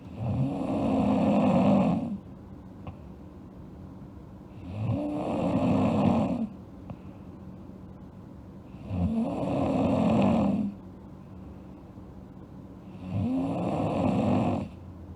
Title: Sleeping Girl Snoring (ALSG) Part 2